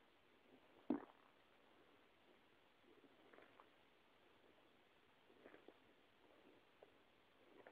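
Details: Stomach rumbling (borborygmi) from an empty, hungry stomach: quiet gurgles and one louder bubbling rumble.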